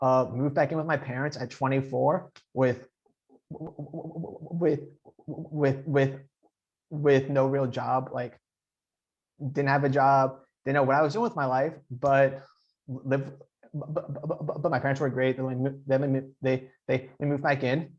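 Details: Adult man who stutters, speaking in an interview with audible repetitions; stuttering.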